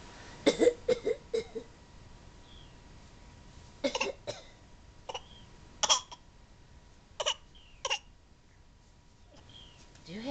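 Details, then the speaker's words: Young child with a bad cough: several short, moist coughs, some in quick pairs, separated by quiet pauses and faint room sounds. "a bad cough brandon oh po bron with car do you have a b c you got a b c oh bless you and a big yarn to go with the sneze and a bad cough"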